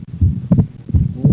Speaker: Split second heart sound in right bundle branch block